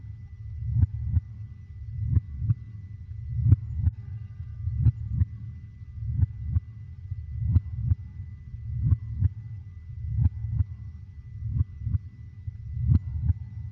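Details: Slow, steady paired lub-dub thumps at about 44 beats a minute: a normal heartbeat, played as a sleep aid for babies.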